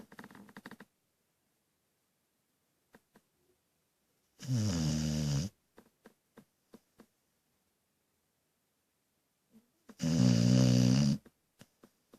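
Two loud, buzzing snores about six seconds apart, separated by near silence and small clicks; ordinary dog snoring.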